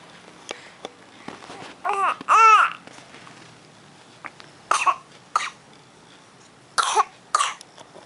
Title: batuk ngota